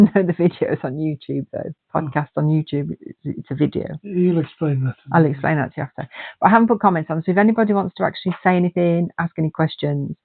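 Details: Two adults talking; ordinary conversational speech.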